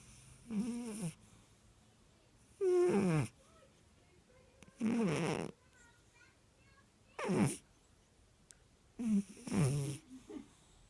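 Soft wheezy, squeaky snores about every two seconds in a quiet room: a cat snoring in sleep.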